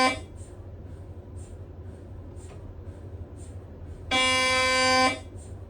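Soft rhythmic chirps over a low hum, then a loud sustained electronic buzz lasting about a second: MRI scanner gradient noise during imaging.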